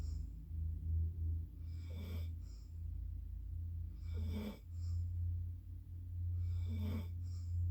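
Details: Low, rumbling breathing sounds in a steady rhythm, about three breaths in eight seconds, over a constant background hum; snoring.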